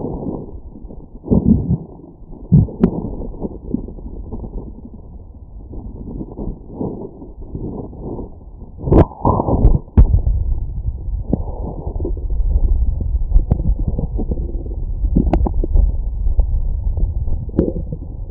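Low rumbling and gurgling with irregular bursts and squeaks, typical of stomach growling from gas and fluid moving through the gut.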